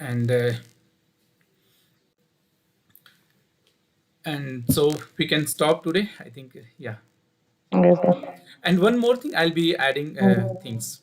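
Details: Adult male speaker; Normal voice.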